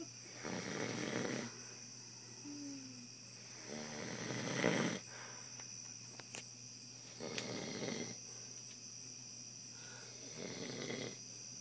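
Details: Man napping; repeated rough breathing bursts over a steady background hum; snoring during sleep.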